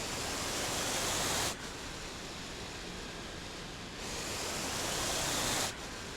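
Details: Rhythmic rushing air from a home mechanical ventilator used by its owner, airflow bursts about every four seconds.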